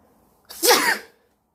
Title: Sneezing while wearing a yellow jacket